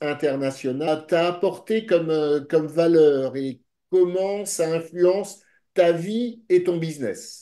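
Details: Adult man; typical speech.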